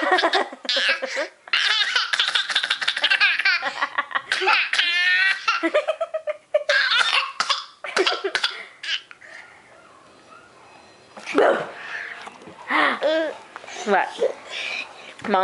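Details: Young girl gives short, deliberate, play-acted fake coughs mixed with bursts of giggling laughter: voluntary cough.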